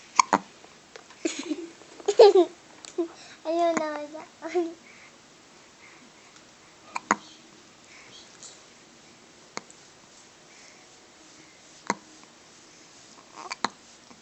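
Sharp, sudden voiced catches with brief squeaky vocal sounds, then quieter isolated clicks recurring every few seconds, in keeping with hiccups.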